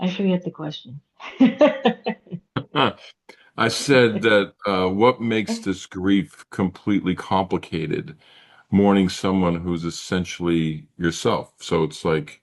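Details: Adult speaker, conversational podcast; typical speech.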